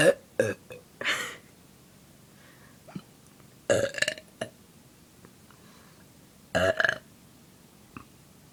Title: Burping out of bordum...